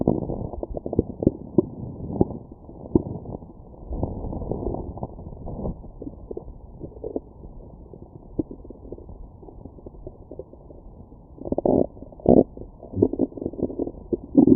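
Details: Stomach growling after a McDonald's meal, recorded with a Stemoscope stethoscope over the abdomen: muffled low gurgles and rumbles, ongoing and irregular; ordinary digestion bowel sounds.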